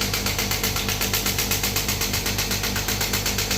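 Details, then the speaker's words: Third-generation ballistic shockwave physiotherapy machine demo on the operator's hand: rapid steady clicking about four pulses per second with constant motor hum. "तो मैं थोड़ी सी frequency को कम करूंगा क्योंकि मेरे को हाथ पे चुबन सी हो रही है और पावर को भी थोड़ा सा कम कर दूंगा"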